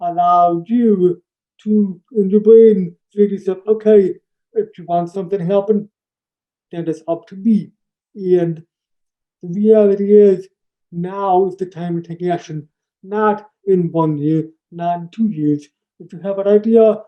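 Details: Adult man born three months premature in 1976, congenital hearing loss found at age two and a half, orally taught to listen and speak, also has ADHD; deaf speech (speech of a person with congenital hearing loss).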